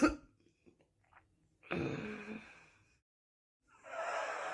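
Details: Bad smoker's cough: a harsh, rough burst with throat clearing, then a second raspy expulsion after a pause.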